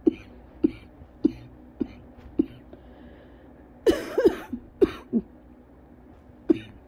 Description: this is after I got home and got my inhaler and everything, still having quite the fit and feeling very lightheaded.